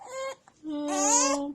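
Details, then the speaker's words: Baby girl after a nap, getting hiccups again, which make her cry: infant cry broken by a brief catch and pause, then a long sustained wail; infant crying with hiccups. "You got hiccups again. Oh no. Hiccups. Hiccups are the enemy. It's gonna make you cry again."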